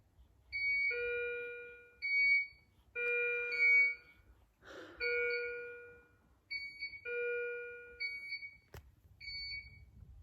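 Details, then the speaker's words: Repeated two-tone electronic chimes and beeps, about 40 a minute, from bedside monitoring and infusion equipment (immunoglobulin and saline drips) in the hospital room of a newborn girl treated for viral meningitis; hospital equipment alarm beeping. "The thing I'm going to miss the least about this hospital is the beeping noises."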